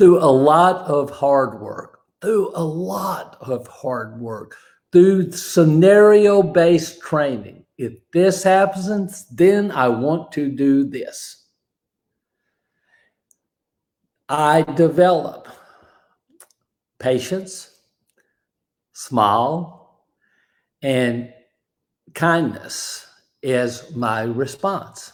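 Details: Aphasia after a stroke in a man, described as an invisible disability; a bad morning said to have affected his ability to talk that day; hesitations and garbled phrasing; aphasia.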